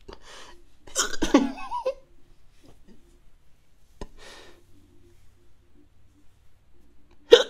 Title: I got the Hiccups. [Funny] Not ASMR